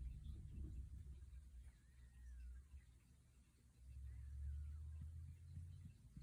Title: cat snoring and dreaming